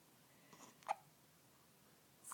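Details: Young child with hiccups: a single soft, abrupt squeaky catch in a quiet room, typical of an infant's hiccup.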